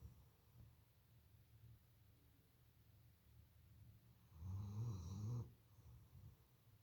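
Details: Female German Shepherd watchdog snoring in deep sleep: one loud, rattling snore lasting about a second amid quieter low breathing noise.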